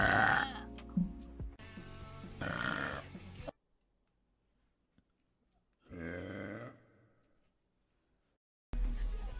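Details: Female Twitch streamer, Spanish-speaking, burping: two loud, drawn-out belches separated by silence, with a third starting at the end.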